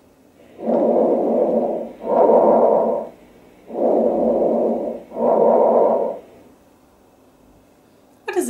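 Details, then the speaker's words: Lung auscultation teaching recording of bronchovesicular (mixed) breathing: inspiration and expiration about equal in length and loudness, sometimes separated by a silent interval, heard when solid lung tissue lies deep. "inspiratory and desperate results about equal in lengths at times separated by a silent interval and differences in patient intensity are often more easily detected during expiration"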